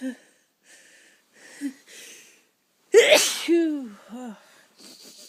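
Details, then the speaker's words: Sneezing in bed in the dark early morning, a tickle that can't be held back: quiet sniffs and catching breaths build to one loud sneeze, then a voiced sigh; sneeze. "Oh, I can't stop sneezing. Oh my. Oh, it's tickling so bad. I've been trying my best to hold it back, but it don't."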